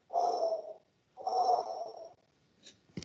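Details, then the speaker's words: Vocal imitation of a holosystolic (pansystolic) murmur, as in mitral regurgitation: two steady, even blowing hisses, each held without a break from start to end of systole, then a brief click. "the murmur starts right away in the beginning of the Cy and and then it continues until in the end of the C where actually the micro opens back again and so"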